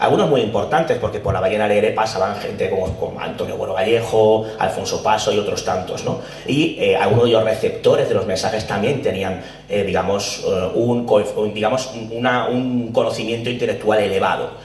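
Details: Adult male speaker, Spanish; Normal speech.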